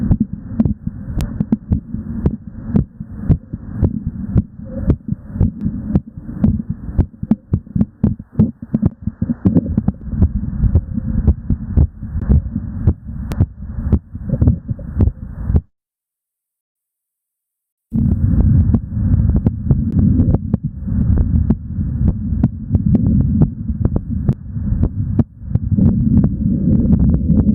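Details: Normal heart sounds during exercise, recorded live: rapid, distinct lub-dub beats over a steady low hum, much faster than the resting heart rate (sinus tachycardia).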